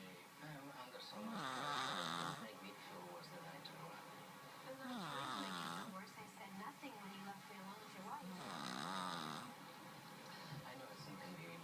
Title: Cat Snoring!